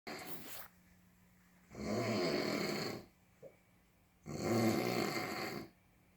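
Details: Two long, rough, rattling snores on the in-breath with quiet gaps between, about one breath every five seconds; ordinary snoring.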